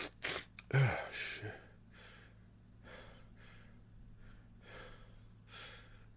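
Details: Allergy-related sneezing fit: a sharp explosive sneeze with a quick gasp, followed by several softer breathy bursts.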